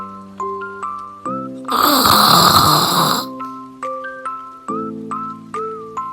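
Light plinking music with one loud, rough, noisy breath in the middle: a sleeping cat's snore.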